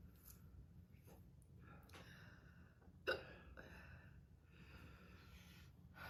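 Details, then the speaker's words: A girl gets hiccups during a hot pepper powder challenge, with mouth and throat pain: a single sharp, abrupt hiccup over quiet room noise and faint breathing. "yeah I think I just have the hiccups now great"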